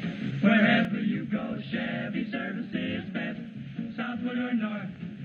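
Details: Simulated sensorineural hearing loss: sung "See the USA in Your Chevrolet" jingle sounds muffled and dull, showing the reduced sound sensitivity and difficulty distinguishing sounds that accompany hearing loss.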